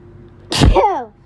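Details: A single forceful sneeze, an explosive burst ending in a falling voiced tail, on being woken at 6am by allergy sneezes; sneezing.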